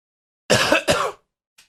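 Two harsh, forceful coughs in quick succession, a cough set off by a throat tickle.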